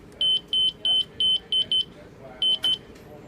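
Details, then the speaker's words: Zoll hospital telemetry monitor-defibrillator switched from off to monitor mode: a run of eight short, high, steady electronic beeps as it powers on. "to turn it on to the basic monitor mode you want to flip the dial from off to Monitor and that'll turn it"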